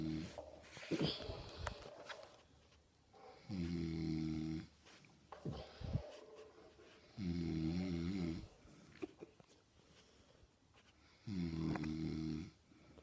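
Loud, rattling snores about every four seconds, roughly 15 a minute, with an unusual warbling quality; snoring during sleep.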